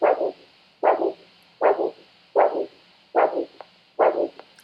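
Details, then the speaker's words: Regular Doppler arterial pulse over tibial artery at ankle, podiatry new-patient check: steady, evenly spaced triphasic whooshing beats about 75/min, good rate, no missed beats. "So not only are we listening to the elasticity, but we're listening for the regularity. is it a nice steady pulse? which yours is."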